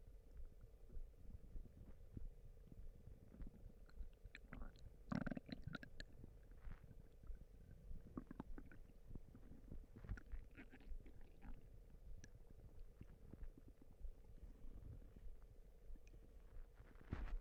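Low, irregular gurgling and rumbling from the belly over background noise: ordinary stomach rumbling (borborygmi) from gas and fluid moving through the gut.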